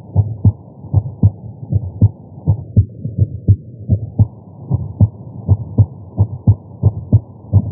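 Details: Heart sounds recorded with a Stemoscope at the tricuspid area, lying on the chest during chest pain: loud, quick low thumps with somewhat uneven spacing and a low hum.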